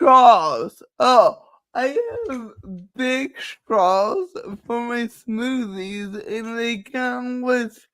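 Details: Person with cerebral palsy, which they say is why they talk this way and that nothing can be done about it; dysarthria (cerebral palsy).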